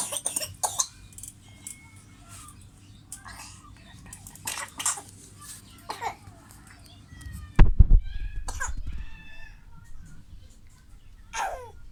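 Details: Young child who is sick with a cough coughs a few times amid talking and room noise.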